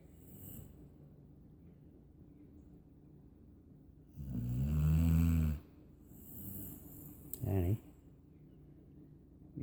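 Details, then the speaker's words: Annabel asleep in owner's lap, snoring: two low, rattling snores over quiet room noise, with a brief voice in the background. "do realize you're snoring. Hmm? You do realize you're snoring."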